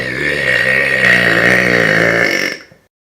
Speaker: we're gonna be burping with the frogs the frogs mistake my burps for a mating call because that's exactly how they're sound